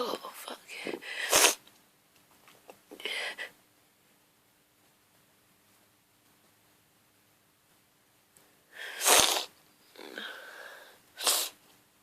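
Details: Hungover person with grass-pollen hay fever after falling asleep in the garden: a run of about five sharp, explosive sneezes with quiet pauses between them; hay fever sneezing fit.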